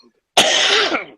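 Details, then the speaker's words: Adult man coughing while talking on a live barbecue chat show, says he sounds bad from coughing: cough. "I'm coughing I sound like [ __ ] but ask us barbecue questions or I'm gonna keep talking about [ __ ] stand up hahaha"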